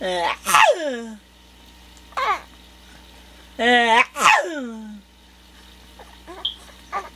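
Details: Two sharp, snorting sneeze bursts from a small pet dog, with a brief whine between them; a normal sneeze.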